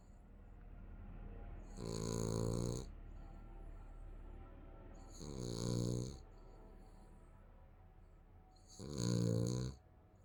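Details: Sleeping baby snoring: three soft, rhythmic snores, each on a breath, about six breaths a minute apart, with steady room hum behind.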